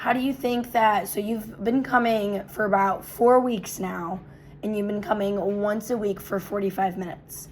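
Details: Adult woman, role-played clinician; normal speech.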